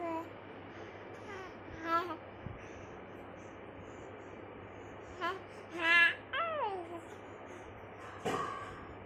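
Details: 4-month-old baby with hiccups, startling himself: infant coos and brief startled cries, then a sudden abrupt catch near the end, a hiccup with fussing.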